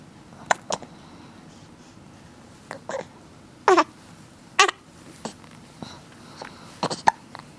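A run of short, abrupt hiccup sounds at an irregular pace, roughly one a second, in a small room.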